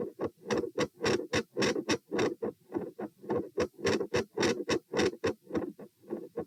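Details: Phasic S1 and S2 intensity changes with split S2, recorded at position P while sitting, standing, then sitting (96-108-96 bpm): brisk paired heart sounds near 100 a minute with waxing and waning loudness.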